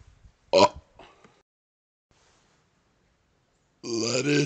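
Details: Burping outdoors on a second-floor porch during a cold snowstorm: one loud, rough belch with a short trailing burp, then silence and a brief voice at the end.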